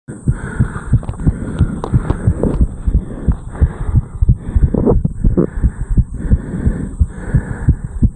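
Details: 34-year-old male after jogging up a flight of stairs, recorded over the mitral area: rapid, strong, regular heart thuds; sinus tachycardia after exercise.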